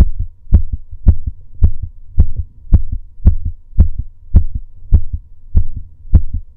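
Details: Male's own heartbeat recorded during breath holds: steady paired heart thumps at about 107 beats a minute, regular and slightly fast; normal heartbeat.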